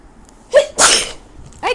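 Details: Person with a bad cold and blocked nose, unable to breathe through the nose, at 3 a.m.: a single sneeze, a sharp sudden blast of air with a vocal catch, then a short voiced sound.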